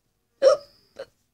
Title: hiccups